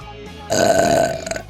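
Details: Vtuber streamer's loud, drawn-out belch of about half a second with a steady rough tone, over faint background music, from a live-stream burp compilation; burping.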